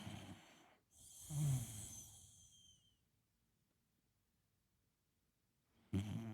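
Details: A tiny sleeping dog's deep, rumbling snore with a brief whistly hiss, sounding like an adult man snoring; dog snoring.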